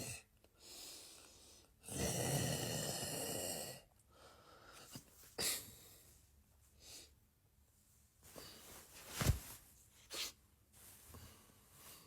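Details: Sleeping partner snoring: irregular, loud, rattling inhaled snores with snorts and pauses between breaths in a quiet room.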